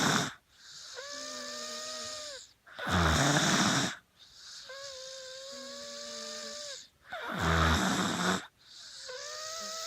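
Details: Pet snoring while unwell, the cause still unknown to the owner: slow breathing, about 13 breaths a minute, with harsh snorting on one phase and a high whistling, wheezy tone on the other.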